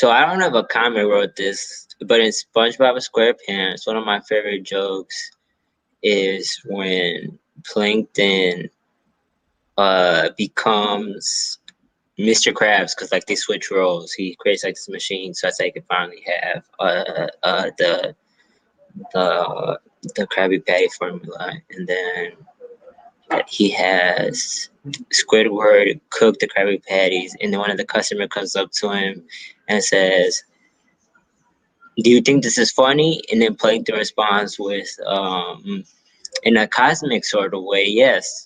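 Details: Stuttering in an adult male stand-up comedian who says he has a stutter; real, spontaneous interview speech.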